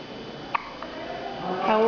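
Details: Newborn aged 2.5 days gives one sharp, squeaky hiccup then a softer one, adult voice starting at the end: normal newborn hiccups.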